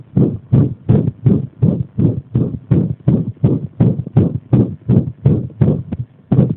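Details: Rapid, dull heart sounds whose spacing drifts unevenly, with a brief pause near the end; an irregular heartbeat (arrhythmia) deliberately provoked by applying pressure.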